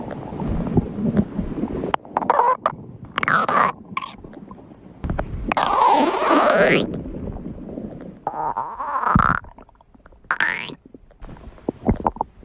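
Loud, irregular gurgles, squeaks and bubbling rumbles that rise and fall in pitch; stomach growling.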